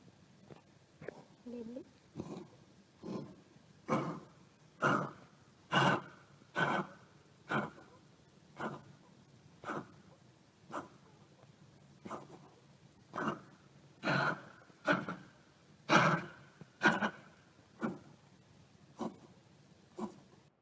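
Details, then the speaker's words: Cocker spaniel with a very bad chronic cough for many months, respiratory not cardiovascular: long run of harsh, throat-clearing coughs about one a second; chronic respiratory cough. "can you appreciate the cough yes yes okay but it sounds like a throat clearing cough okay okay but this cough for this dog wasn't related to cardiovascular disease it had a very bad chronic cough going on for many many many months already and it was a respiratory issue"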